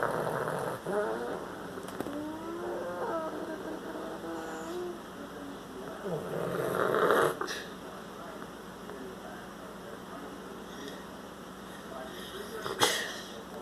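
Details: Noisy upper-airway breathing in a dog: snoring-like, rattling breath noises with some whistling tones, louder in bursts.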